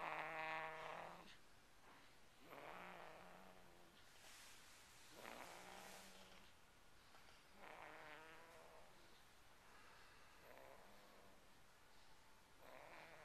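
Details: At 5 weeks old: rhythmic, buzzing snores with a steady low pitch, repeating about every two and a half seconds with each breath; snoring.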